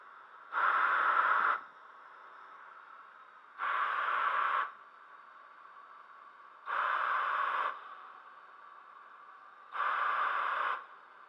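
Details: Homemade DIY ventilator built from a quadcopter high-RPM motor, an Arduino, a vehicle MAP sensor as safety cut-off and 3D-printed parts, with forced-ventilation and PEEP breath-assist modes. It cycles even one-second bursts of rushing air at about 20 breaths a minute.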